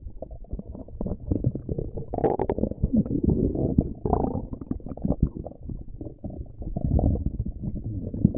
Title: Stomach Growling